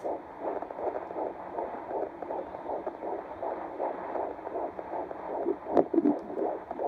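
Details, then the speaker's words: Fetal heartbeat on Doppler at about 13 weeks' pregnancy (first trimester): fast, whooshing rhythmic pulses, about 159–160 beats per minute, reported as doing well. "So I went to the doctor on last Wednesday, and I got to hear baby's heartbeat. His heartbeat is between 159 and 160, and he's doing really, really good."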